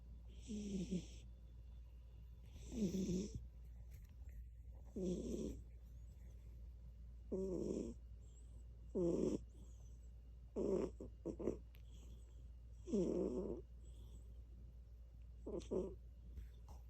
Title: Tigey snores